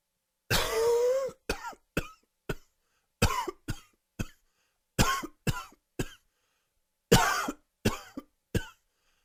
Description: Dry and wheezy coughing fit. Allergies!!!